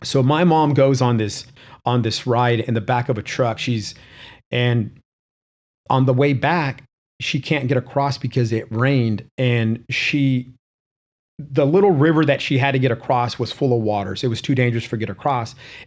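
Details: Adult male with a self-reported stutter that he calls a disability; stuttering.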